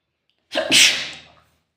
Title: Sneezing cold ❄️🥶